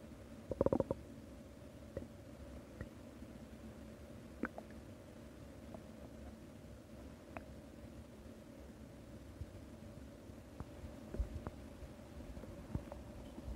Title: Hatsune Miku's stomach growling